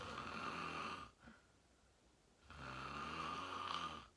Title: Watch me sleep #41: 😴 Fell Asleep Fast @ 8:45 😪 Slept Deep REM Sleeping 💤 Great Loud Snoring ASMR